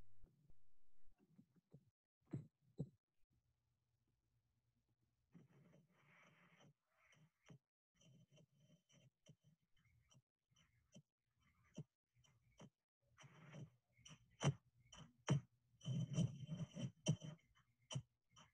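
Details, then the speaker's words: Heart sounds near 69 a minute with breathing noise; the second heart sound (aortic and pulmonic closure) splits into two close components when the patient inspires: splitting of S2. "The next three slides will show you the sound of the splitting of S2. Please take note when the patient inspires."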